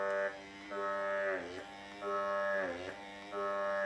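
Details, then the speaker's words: Droning, mooing motor tone rising and falling steadily about 48 times a minute from an Evenflo single electric breast pump on its highest setting, running on mains power; silicone moving up and down. "doesn't it sound like a cow? And as you can see, the silicone is moving up and down. That's the highest setting."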